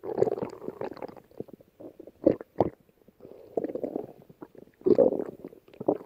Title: Stomach Growling